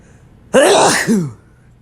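A single loud, wet sneeze with a catching, hitched intake breaking it into two bursts.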